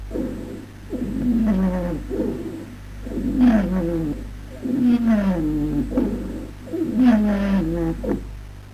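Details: Musical, whistling wheezes with falling pitch repeating with each breath in the chest, about 28 breaths a minute; wheezes.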